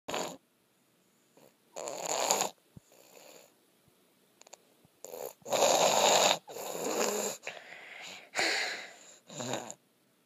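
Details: Sick boy snoring in his sleep: irregular, rough, noisy breathing sounds recurring with brief quiet gaps.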